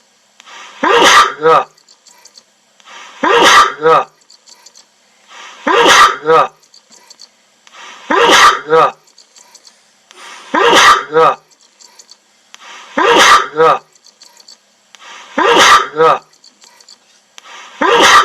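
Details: Repeated sneezing: about eight sharp sneezes in a row, each followed by a brief snuffle, roughly every two and a half seconds.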